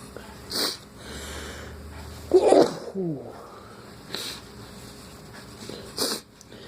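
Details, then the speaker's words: Morning, runny nose since waking: three short hissing sneeze bursts a couple of seconds apart with a brief voiced sound between; repeated sneezing. "As the morning started to progress, I noticed I had to sneeze. That means good luck for you guys."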